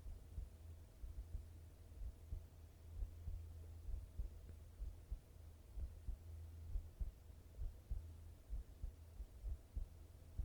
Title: 心音ASMR/heart sound